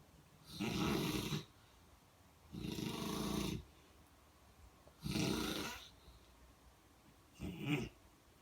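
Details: Ordinary snoring: four regular, rough, rasping, rumbling snoring breaths, about 28 per minute, separated by quiet pauses.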